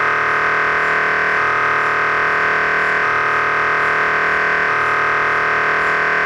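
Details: MRI scanner noise while running a sequence: a loud, steady electronic drone with a regular rhythmic pulse.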